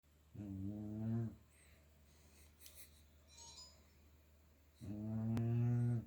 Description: My 6-month-old choc lab pup Hera snoring while sleeping.